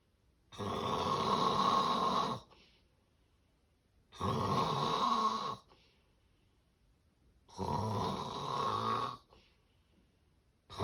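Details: Severe obstructive sleep apnea snoring: loud, harsh snores at about 18 a minute, each lasting close to two seconds.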